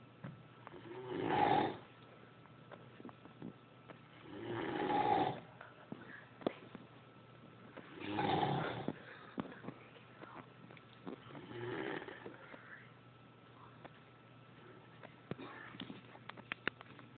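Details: Rough, rattling snores about 17 a minute, each on an in-breath, with quiet gaps and small room noises, heard from a basement; ordinary snoring.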